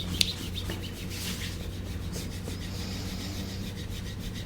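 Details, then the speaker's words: Soft continuous rubbing and scraping over a low room hum: a tool gliding over yoga pants during instrument-assisted soft tissue scraping of a dancer with a sore left knee nine years after patella surgery, in a chiropractic session. "yoga pants kind of work with scraping because you don't have to pull them up and get on skin it just Glides yeah nicely"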